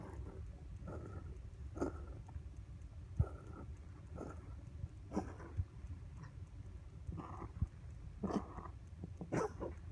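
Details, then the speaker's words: A cat with feline asthma has an extreme episode of dry, harsh hacking coughs that sound as if he will vomit, though he doesn't. It came right after a vet visit with X-rays and blood work, where vets worried about his heart. "t sounds like he's going to vomit at the end he doesn't um but it was right after we'd gone to the vet and he'd gotten Medical Care gotten X-Rays done blood work so um he was taken care of"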